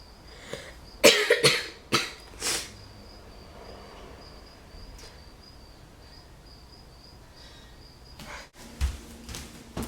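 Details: A quick run of about four harsh coughs from an adult with a summer cold, then quieter room sounds; cough.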